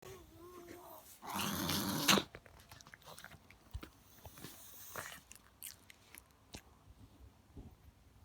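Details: Chihuahua dog giving a loud, harsh snorting inhalation, then quieter sniffs and snorts; a reverse-sneezing episode.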